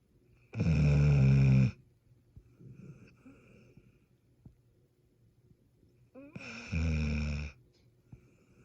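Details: Kelpie dog asleep, two loud, low rattling snores on breathing in with quieter breathing between; snoring.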